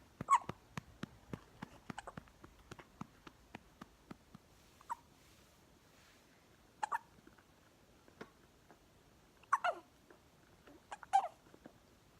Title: Baby with hiccups